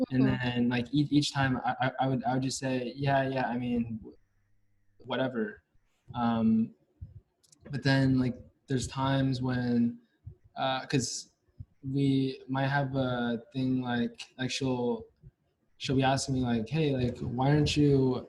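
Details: Stuttering in a male senior university student, present since about age five or six, with blocks and getting stuck on sounds; his biological father and maternal grandfather also stutter.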